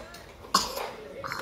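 One short, sharp cough from a child, with faint room sound around it.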